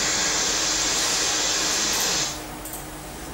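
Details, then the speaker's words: Narrow-band white noise from a hearing-aid tinnitus sound generator, demonstrated in a lecture: a steady, even hiss limited to mid-to-high pitches with changing intensity, cutting off abruptly after about two seconds. "è un rumore bianco a banda stretta sentite come cambia l'intensità e questo è un rumore bianco su due diverse bande quindi uno davvero può creare il rumore che più dà sollievo al paziente"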